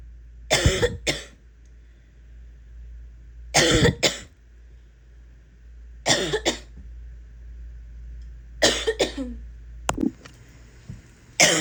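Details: Adult woman coughing: harsh, explosive coughs, mostly in pairs, with a barking quality.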